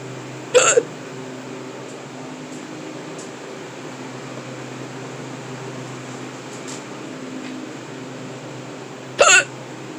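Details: Two sharp, abrupt hiccups about nine seconds apart over steady room hum, from a person stocking a cooler at work who couldn't stop hiccuping; persistent hiccups.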